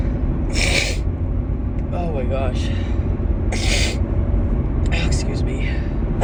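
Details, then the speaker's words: Adult female with allergies sneezing repeatedly in a car; about four explosive wet sneezes over steady engine rumble, with brief vocal sounds between them. "Oh my God. Oh God, excuse me. I just sneezed."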